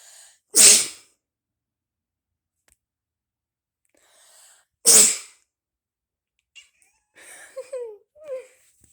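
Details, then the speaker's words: Cat reacting to its owner's sneeze, which owner says happens every time: two sharp, hissing sneezes a few seconds apart, followed by soft chirping meows; sneeze. "so for some reason my cat does this thing wherever i sneeze he kind of just freaks out okay watch this"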